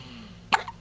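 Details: Male with a pretty bad case of hiccups that shake his whole body, seemingly tired: a single abrupt, jerky catch of breath against quiet room noise; hiccup.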